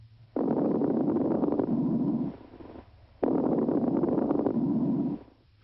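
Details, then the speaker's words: Teaching example of adventitious breath sounds: two breaths carrying loud, low-pitched, longer bubbling crackles throughout; coarse crackles. "coarse crackles are louder lower pitched and longer"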